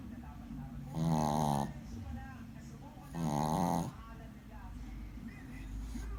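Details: Shih tzu puppy asleep: two loud, buzzing, vibrating snores about two seconds apart, with quieter breathing in between; dog snoring.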